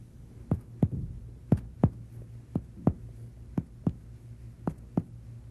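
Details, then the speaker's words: Chest percussion of a supine patient, upper body raised about 30 degrees, from the far left toward the heart in the 3rd-6th interspaces: paired taps, lateral pulmonary resonance to medial cardiac dullness; normal. "Normally, percussion reveals pulmonary resonance laterally and cardiac dullness medially."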